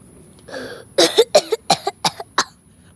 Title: The biggest coughing attack to ever exist ￼